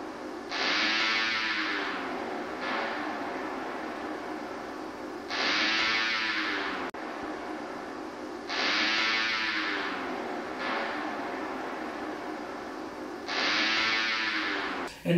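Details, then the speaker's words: EMG myotonic discharges with the characteristic dive bomber sound: waxing and waning frequency and amplitude, peaking around 150 Hz, over a full interference pattern at minimal effort, typical of severe underlying myopathy. "in this clip you can hear this signature sound with waxing and waning with exceedingly fast frequency of discharges maxing at around 150 htz"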